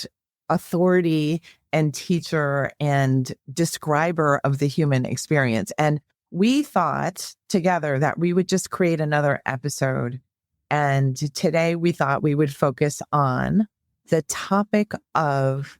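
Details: Adult speaker; normal voice.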